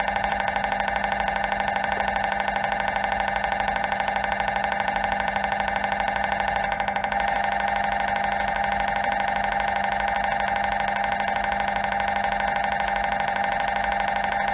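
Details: MRI scan: loud, steady, rapid mechanical buzzing and knocking at about 125 pulses a minute with a droning hum; MRI scanner noise.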